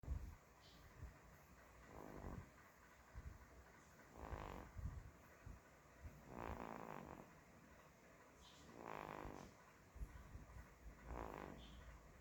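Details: Sleeping baby: soft, rough breathing noises about every two seconds over background hiss. Light snoring.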